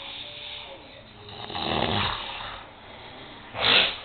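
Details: Two rough, rattling snoring breaths over room noise, the second sharper and snort-like.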